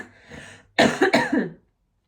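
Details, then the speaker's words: A soft breath, then a quick run of three or four cough bursts from an adult recovering from illness; cough. "Feel like you can still kind of hear there's a bit of lurgy there."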